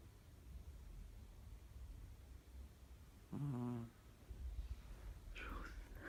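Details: Cat (Lola) sleeping on a person's arm, snoring.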